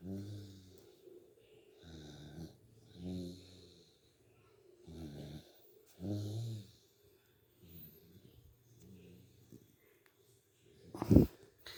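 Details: A dog sleeping at midday snores with rhythmic low rattling on each breath, softer toward the end, then a brief louder noise: snoring.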